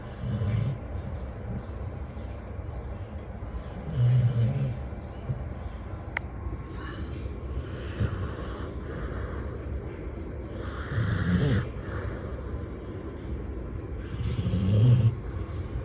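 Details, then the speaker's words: Dog in deep sleep snoring with low, rumbling breaths recurring every few seconds. "இதுவரைக்கும் மனுஷங்க குரட்ட விட்டுதான பாத்துருக்க நாய் குரட்ட விட்டு யாரும் பாத்துருக்க வாய்ப்பு ரொம்ப கம்மி. எங்க சாச ஆழ்ந்த தூக்கத்துல இருக்கு. என்ன மாதிரி குரட்ட விட்டுட்டு இருக்குன்னு நீங்களே கேளுங்க."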